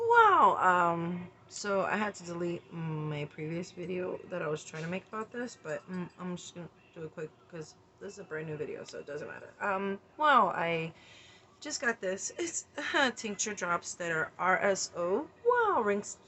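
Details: Repeated involuntary single-word vocal tics during a tic attack while talking, in a person with tics who is trying new medical marijuana tincture drops.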